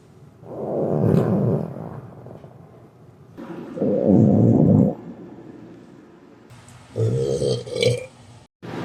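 Three long, low, rumbling belches, the last broken into two parts, each followed by quiet.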